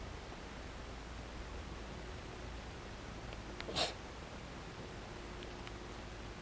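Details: Cat that started throat-clearing right after eating, perhaps from overeating: one brief, sharp throat-clearing cough against a quiet room background.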